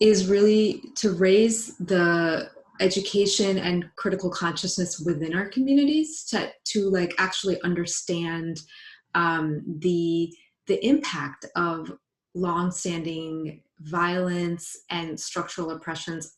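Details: Adult woman, a psychologist who identifies as a person who stutters, speaking spontaneously in a live panel; stuttering.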